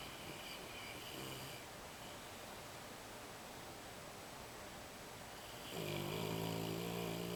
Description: snoring loudly while sleeping...